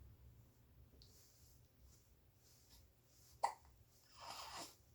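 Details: Hiccups in a happy 67-day-old baby in a quiet room: one sharp, abrupt hiccup and a faint earlier catch, then a soft breathy exhale.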